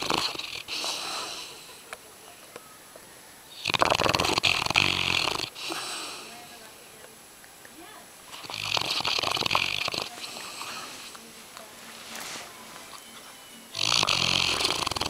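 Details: Loud snoring from a sleeping yellow Labrador dog, a rough, rattling snore about every five seconds.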